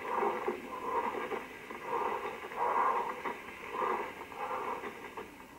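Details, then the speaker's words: Pleural friction rub on chest auscultation, in a propaedeutics lecture: rough, creaking rubbing sounds recurring through inspiration and expiration, arising where adhesion bands or fibrin deposits roughen inflamed pleural surfaces. "if patients have some commissures bands between pleural lures at the focus of inflammation or when fibrin deposits self-inflammated pleura to make a surface route in so let's listen"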